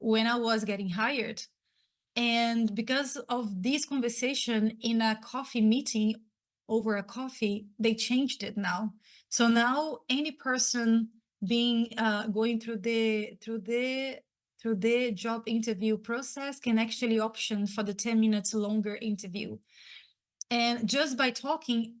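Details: Stuttering in an adult woman who identifies as a person who stutters and reports her own blocks; repeated phrases heard.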